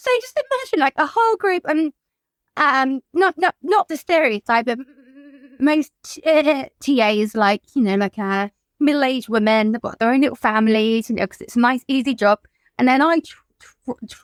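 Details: Adult woman whose childhood stammer recurred in adulthood, brought on by lockdown and the trauma of losing her mother to suicide; repetitions heard; stuttering (stammering).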